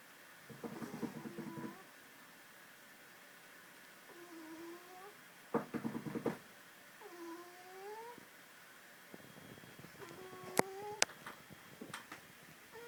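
Soft, squeaky whistling noises on the sleeping cat's breaths, with quiet room between. A harmless sleeping snore.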